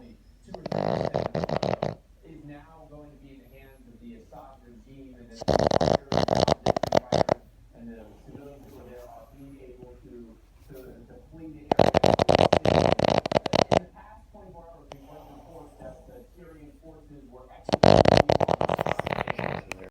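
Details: Boston terrier snoring: loud rasping snores about every six seconds, roughly ten breaths a minute, with soft snuffling between.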